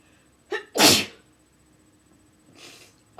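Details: Induced sneeze while slightly stuffy, using an incense stick to the nose: a short inward catch of breath, then one loud, forceful, wetter-than-usual sneeze and a softer exhale.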